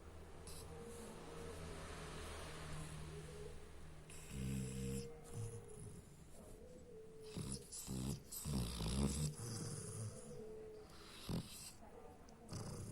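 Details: Hachiko, a sleeping dog, making irregular, low, rumbling, snorting breaths with music in the background; snoring.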